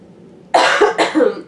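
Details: Two quick harsh coughs in a row from an adult woman with a cold, coughing while talking.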